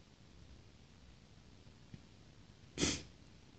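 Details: Female sneezing; a single sharp sneeze after a quiet pause and a small sniff, in a quiet room.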